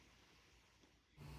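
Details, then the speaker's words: A single low, rough snorting snore from someone asleep in the background at night, in a quiet, rumbling room. "on entendrait ronfler en arrière ça veut dire que c'est time"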